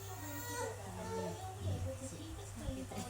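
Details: A coughing toddler cries in pained, wavering bursts over low room hum during a back massage treatment; distressed crying from pain.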